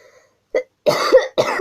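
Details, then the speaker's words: An adult woman who says she is ill gives a brief throat sound followed by two loud, harsh cough bursts. "Извините за кашель, я просто болею."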